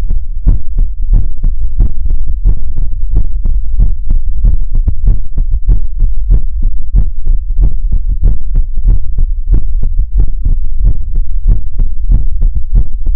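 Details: Heartbeat sounds in a Chinese ASMR livestream: steady, rapid low thumping beats repeating throughout, with no other sounds; a heartbeat.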